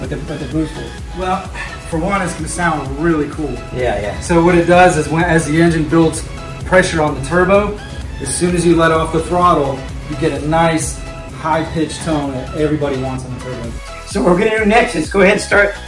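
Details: Adult man speaking; ordinary speech.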